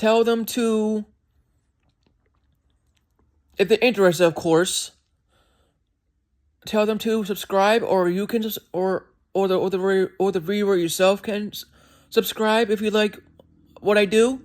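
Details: Disfluent speech with word repetitions in an adult man who says he has a speech impediment and does not always speak perfectly.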